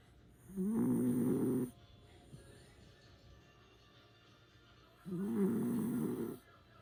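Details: Sleeping pet dog: two loud, buzzing snores on the in-breath, about four seconds apart, each with a thin high whistle; snoring.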